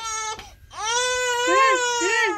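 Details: Baby crying around first roll-over: sustained, clear, high-pitched wailing cry with rising and falling pitch; ordinary infant cry.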